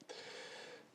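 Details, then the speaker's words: Dog snoring while asleep nearby: a single rough, noisy breath with a faint fluttery buzz. "you can hear the dog snoring apologies but I didn't feel like moving him he's too cute"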